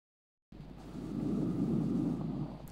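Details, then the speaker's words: Normal vesicular breath sounds on a teaching simulator, auscultated from the front of the chest: soft, low rustling airflow swelling and fading. "what you would appreciate is the vesicular breathing sounds in a normal case,"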